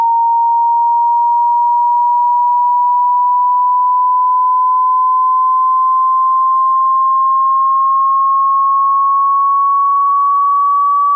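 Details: Hearing test tone: one steady pure tone gliding slowly upward in pitch, a test sweep.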